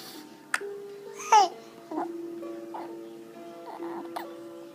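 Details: Hiccups in an infant in a swing: a few abrupt hiccup sounds between soft babbling over steady background music.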